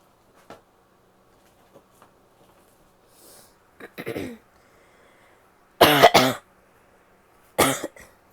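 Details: A few short explosive bursts in a quiet room from a female, the loudest a harsh double burst; barky-sounding sneezes, possibly mixed with coughing, then a nose blow near the end.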